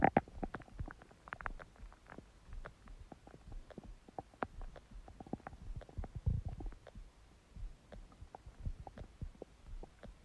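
Continuous low gurgling and rumbling with irregular pops; ordinary stomach growling from an empty stomach.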